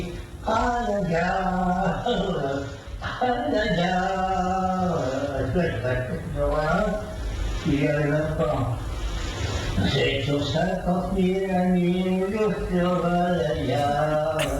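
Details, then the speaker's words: Sleep singing (somniloquy): a man sings while asleep during a report on people who talk in their sleep. "alors voilà des gens qui chantent comme ce monsieur je vous rappelle qu'il dort"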